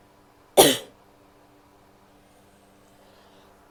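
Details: Woman coughing: a single sharp cough, then quiet with a faint steady hum in the room.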